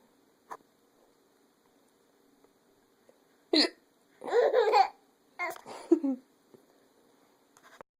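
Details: Hiccups: a sharp hiccup-like catch in a quiet room, then laughing and giggly vocal bursts, with another small catch near the end.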